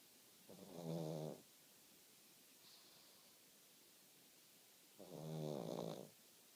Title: snoring away in pug dream land